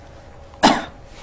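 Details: Single voluntary cough by the patient during a demonstration abdominal examination.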